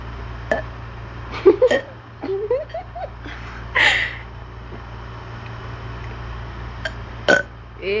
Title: My brother burping LOL